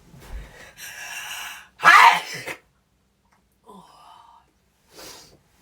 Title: Sneezing twice